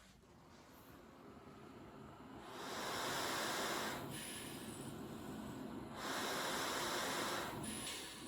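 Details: Steady airy hiss and blowing roar of a travel CPAP machine that swells and eases in waves, with faint high whistles; CPAP machine noise.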